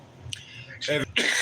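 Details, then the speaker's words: Adult man in the morning who started coughing just after picking up a cigarette, with a brief throat clear and then two short, harsh cough bursts: cough and throat clearing. ">> I just picked the smoke up, started coughing."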